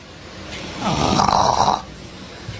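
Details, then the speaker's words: Snoring in a sleeping dog: a single loud, rattling, throaty snore lasting about a second over quiet room noise. "You guys want to hear how loud Travis's dog is snoring?"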